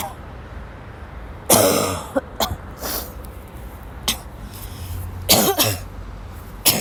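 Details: About seven harsh, dry cough bursts, some in quick pairs, over steady room noise, from a sick young woman who had to leave class, woke up ill with sore throat; coughing fit.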